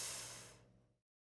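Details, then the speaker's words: Deep forceful inhalation through an Ellipta dry powder inhaler for asthma, lips sealed round the mouthpiece after slow exhalation away from the device: short airy hiss fading within a second; correct technique demonstrated. "Circondate il boccaglio con le labbra. Inspirate a fondo"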